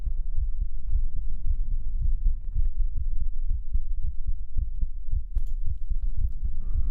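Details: Pre-recorded heartbeat played back during an ASMR stream: steady, deep, muffled lower thumps repeating over a low hum; normal heartbeat.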